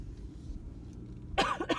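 Two short, harsh cough bursts from an adult after quiet rumbling background noise; a cough with bronchitis.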